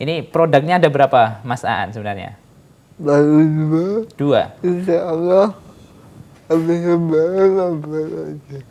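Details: 22-year-old man with cerebral palsy whose therapy emphasized speech therapy; dysarthria (cerebral palsy).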